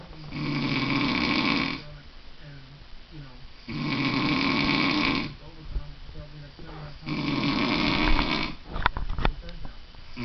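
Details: Man snoring: three harsh, rumbling snores of about 1.5 s each, roughly every 3.5 s, with quieter breathing between; loud snoring.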